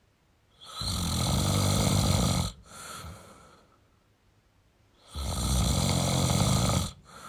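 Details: Snoring in a sleeping male: loud, harsh rattling snores on each breath in, followed by a softer breath out, with a breath cycle roughly every four seconds.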